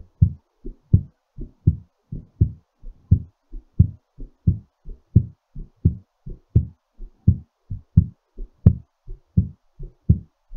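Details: Strong, quick paired lub-dub heartbeats at about 87 per minute during recovery: a normal heartbeat after exercise.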